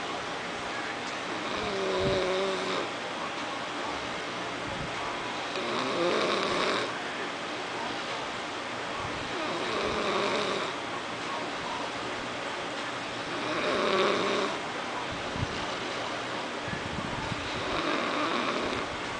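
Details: A sleeping person snores steadily and roughly on each in-breath, about 15 breaths a minute, over a constant background hum.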